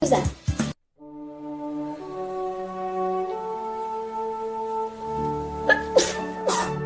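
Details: A girl's sneeze attack: a run of several sharp, explosive sneezes, split by a stretch of soft sustained music; repeated sneezing.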